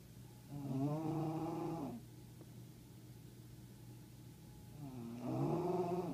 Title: Darla the bulldog, snoring